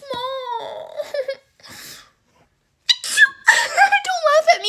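Child's voice, then a single pretend sneeze burst followed by giggling and laughter; an imitated sneeze.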